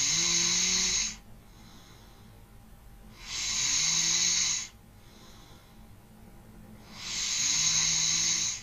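Slow breathing, about 17 breaths a minute, with rough, hissy snoring on the breaths and quiet pauses between, recorded as a relaxation sound.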